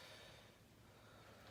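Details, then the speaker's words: Adult female patient during nursing respiratory assessment, chest expansion palpation: single faint, airy deep breath drawn in on request, soft room hiss around it. "Go ahead and taking a deep breath for me."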